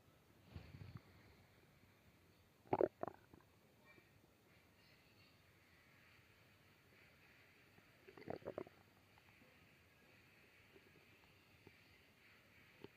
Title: Stomach growl